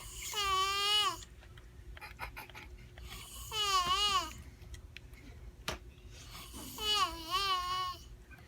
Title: Guy snores like lamb